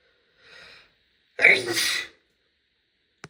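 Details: Female, single loud sneeze: a quiet indrawn breath, then one sharp, hissing burst of air through nose and mouth ending with a small click.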